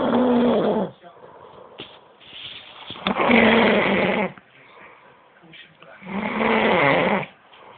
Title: Loud snoring